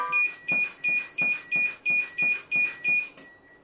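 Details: Nine evenly spaced electronic beeps, about three a second, from a portable AED after a shock is delivered during a CPR and AED technique demonstration on a training dummy.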